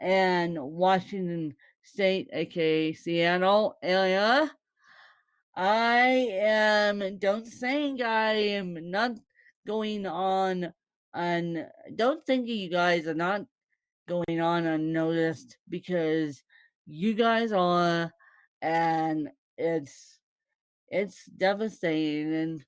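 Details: Woman born with cerebral palsy, speaking; dysarthric speech, though no speech disorder is formally named.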